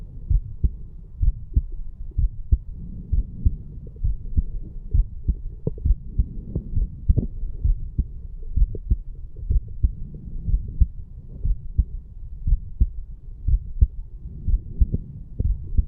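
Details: 34-year-old male, heart recorded at the mitral (bicuspid) valve area after farmer's walk exercise: steady, strong lub-dub beats with crisp valve closures and no added sounds, normal heart sounds.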